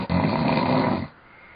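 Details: One loud, rough, low rattling snore lasting about a second, heard over a Skype call, then quiet room noise; snoring.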